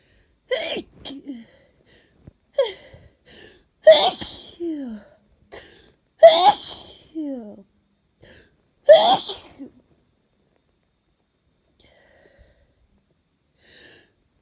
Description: Yet more cold sneezes. Some of these are induced, some are not. I feel so grim right now.